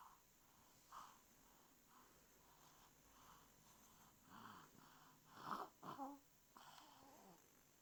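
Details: Infant with a clogged nose being cleared: soft snuffly, snorting breaths through the nose with a few louder wet bursts as it clears; nasal congestion.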